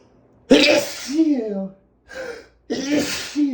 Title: HUGE Allergy Sneezes Compilation (M)